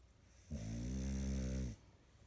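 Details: Person snoring: one low, buzzing snore lasting about a second on a breath in, in a quiet room.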